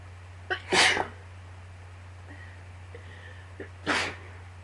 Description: i couldnt get some of these sneezes out lol sorry they took so long!